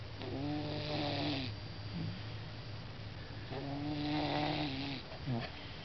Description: Plump orange cat snores his heart out.